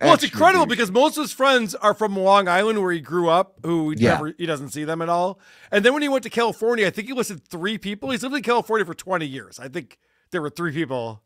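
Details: Adult speaker; typical speech.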